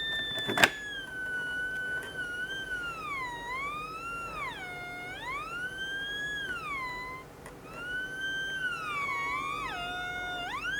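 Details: RespAlert breath monitor for animals, diode sensor, being repair-tested on 12 V bench supply while a person breathes on it: steady electronic tone sliding up and down with each breath, theremin-like.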